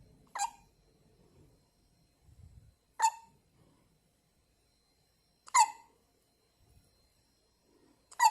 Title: 生後1日目しゃっくりしたまま寝ちゃいました I fell asleep with hiccups on the first day after birth